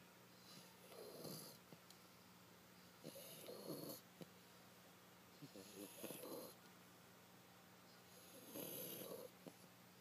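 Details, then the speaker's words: French bulldog asleep in the owner's lap, snoring away: soft rhythmic snores at about 24 breaths a minute, with a steady hum in the room. "And yes, that is the dog snoring."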